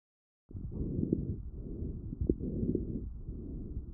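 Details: Fine crackles on lung auscultation, recorded with a StethoMe electronic stethoscope and classified by its AI; brief, fine popping clicks over breath sounds, described as typical of bronchitis and pneumonia.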